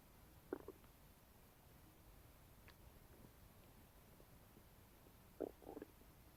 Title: my stomach is making noises after eating a bagel